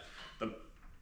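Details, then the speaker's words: Man speaking with hiccups while describing UTV modifications: a single sudden, brief voiced gulp against quiet room noise, a hiccup. "forewarning I have the hiccups and I'm not editing all that out so you're gonna hear the hiccups"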